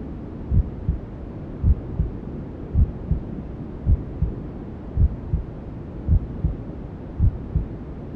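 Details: Maternal heartbeat sound with white noise and other womb sounds, for settling a newborn to sleep: steady muffled lub-dub about 54 a minute under a constant hiss.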